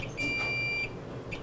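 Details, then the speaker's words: X-ray exposure of a foot in a teaching demonstration for shadow students at 60 kVp: after the rotor spins up the anode, the exposure button is held until a steady high beep of under a second sounds over a low machine hum. "we first start the an anode spinning with the rotor like that when it turns green we push the exposure button down until we hear the beep"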